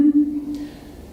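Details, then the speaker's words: Adult pediatrician imitating the pertussis (whooping cough, Bordetella pertussis) whoop heard at the end of a child's coughing fit: a brief, steady, high-pitched whooping intake of breath; pertussis inspiratory whoop, imitated. "however at the end of the cough the child will make the classic noise me the disease gets its name from which is a who Benitez's our locker"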